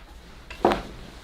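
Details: Chiropractic right hip adjustment with the patient lying on the left side, top leg bent, because the right hip glided harder and leg lengths were uneven: a single brief pop of joint cavitation; legs were even afterwards.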